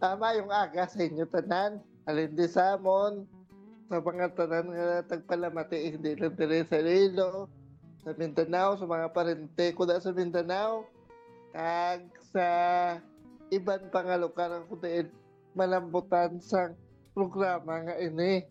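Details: Dysarthria in a male with cerebral palsy caused by brain damage after premature birth, when he could not breathe right away; speaking Ilonggo.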